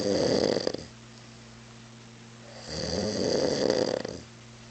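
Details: Adult man, drunk on mezcal, asleep on a couch around 3 a.m.: two loud, rattling, rumbling snoring breaths with quiet pauses between, in a small room; heavy snoring.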